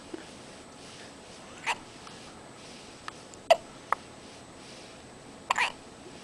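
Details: Four sharp, brief hiccups at irregular intervals over about six seconds in a quiet room; the subject is getting sleepy and smiles at the end; ordinary hiccups.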